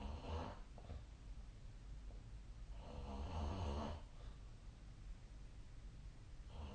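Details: Nightly sleep recording made with the SnoreLab app on 2025/02/01: soft, low rumbling snores rising and falling with breathing over steady background hiss; quiet adult snoring.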